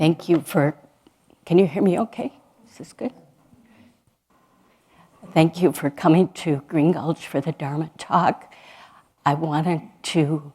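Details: Adult woman speaking; normal speech.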